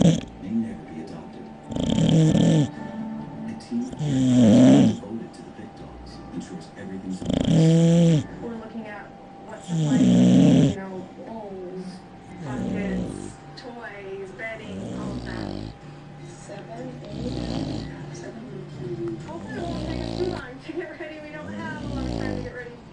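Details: Two bulldogs, one big and one small, snoring while asleep in their crates during an afternoon nap. Loud, rough, rattling snores come about every three seconds with softer fluttering breaths between. The owner notes they usually snore much louder.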